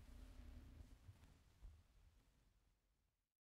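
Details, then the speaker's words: Stethoscope on the belly wall of a normal hungry man who has just smoked a cigarette before dinner: frequent low gurgles and rumbles, normal but very active bowel sounds. "In this tracing, the sounds are normal but are very active because the individual is hungry and has just smoked a cigarette."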